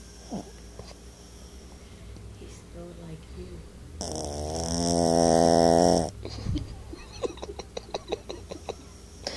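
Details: A single long, loud, rattling snore from an 8 lb Yorkie, surprisingly deep for its size, with quieter breathing and faint room noise; dog snoring.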